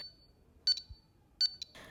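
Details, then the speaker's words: Pulse oximeter desaturation alarm deliberately triggered during preventive maintenance by setting the low SpO2 threshold above the user's own SpO2: repeated high-pitched double beeps. "Pour cela, on va aller dans les réglages d'alarme et on va régler le seuil bas de l'alarme de SpO2 à une valeur supérieure à notre propre valeur de SpO2 et on vérifie le déclenchement de l'alarme de désaturation."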